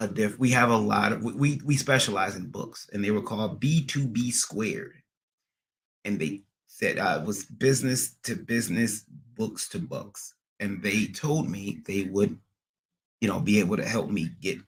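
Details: Adult man with a recent transient ischaemic attack, MRI showing some damage, seeing a neurologist and receiving physical, occupational and speech therapy; speech not fully recovered and he stutters occasionally; acquired stuttering after transient ischaemic attack.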